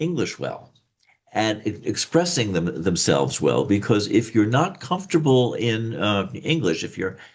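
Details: Adult man who reports a slight stutter that listeners can hear; stuttering.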